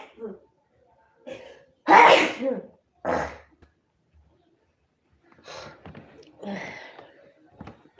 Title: Allergy sneezing fits